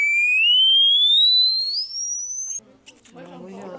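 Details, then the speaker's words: Generated sinusoidal pure-tone signals of rising frequency (190, 400, 600, 900, 1000 Hz upward toward very high pitches) played to demonstrate the hearing range; pure-tone hearing test signal. "Je vais vous générer un signal. Là, c'est un son de 190 Hz, 400 Hz, 600, 900, 1000."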